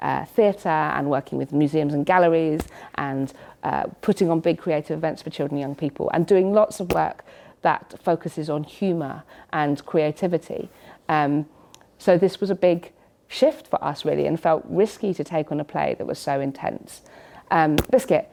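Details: Woman in her late 30s with Tourette syndrome: involuntary vocal tics such as 'biscuit', 'hedgehog', 'sausage' and 'cats', plus audible motor tics of her hand banging her chest.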